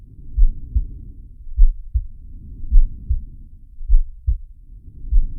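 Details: Heartbeat and breathing sound of the cartoon shark Sharko from the Zig and Sharko animated series: regular paired low thumps at about 50 beats a minute, with soft breathing noise between them.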